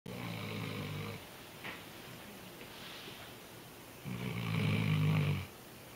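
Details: Weimaraner dog sleeping and snoring loudly, likened to a human: two loud, low, rattling snores on breathing in with a quiet pause between them.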